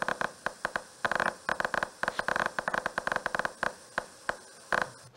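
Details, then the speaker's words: Needle EMG near the motor end plate: irregular, sputtering bursts of very brief spikes, only 1–3 ms, too short for motor units or fasciculations, over a steady hum; end plate spikes, painful area prompting needle withdrawal. "But it's barely 1 to 2, 3 milliseconds. This can't be a motor unit. Can't be a fasciculation, can't be it is a very short duration sputtering sound."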